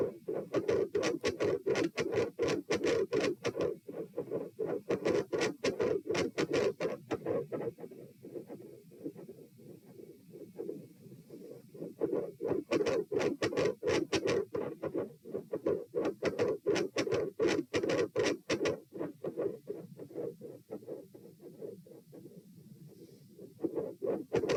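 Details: Loud, rough mid-systolic murmur recorded at position P with the patient supine, heart rate 90 bpm, growing louder and phasic, swelling and fading in cycles.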